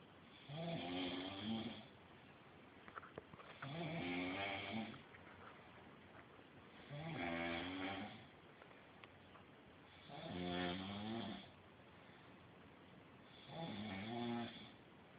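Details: Sleep snoring: five rhythmic buzzing snores on breathing in, about 19 a minute, with quiet breathing between; ordinary snoring.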